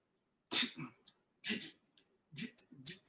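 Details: Man with a stammer since childhood, with a stuttering block and repetitions on the word "Dad"; stuttering (speech block with repetitions).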